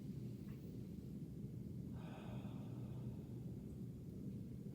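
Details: Stethoscope over the upper lobe, above the scapular spine over the trapezius, during a student physical therapist's exam as the patient takes a deep breath: soft rushing airflow over low rumble, normal vesicular breath sounds.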